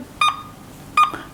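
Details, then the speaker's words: A defibrillator monitor connected to a patient simulator in a critical-care nursing skill lab shows sinus rhythm. Two clear monitor beeps about 0.75 seconds apart, near 80 a minute. "Kebetulan saat ini pasien kita eh gambaran.ekg nya adalah sinus rhythm Neng Mira sinus rhythm kemudian"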